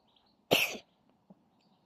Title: Oyeng beauty cat"cough"#shorts #youtubeshorts